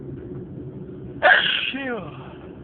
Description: A lot of stifled sneezed with a few louder sneezes.